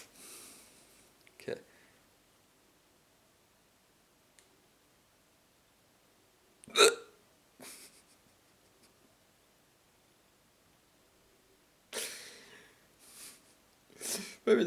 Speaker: i drink a bit more water i think the hiccups are gone that's good news no no no god yes